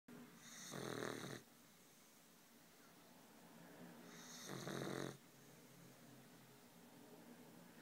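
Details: Snoring from an 11-week-old Neapolitan mastiff puppy that snores like this all the time: two soft, rattling snores a few seconds apart on the in-breath, with quiet breathing between.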